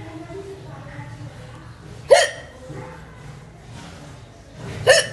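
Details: Two abrupt, voiced hiccups about three seconds apart over low background noise from an Indian woman.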